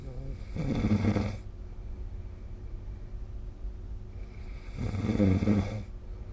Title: 🐽 Snoring Sleep Sound / いびきの音